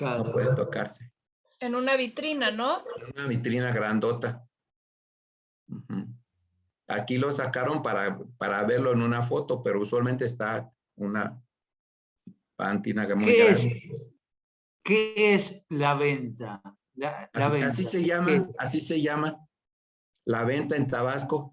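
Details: Aphasia after acquired brain injury (stroke) in a man attending an art history workshop for people with aphasia, giving a Spanish-language presentation; aphasia.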